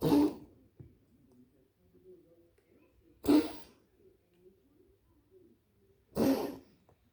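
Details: Dog named Mollie coughing: three harsh, hacking coughs a few seconds apart, with quiet snuffling between them.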